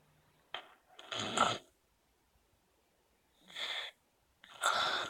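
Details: Snoring: noisy breath sounds separated by quiet pauses, with a hissy, fluttering quality on the breaths.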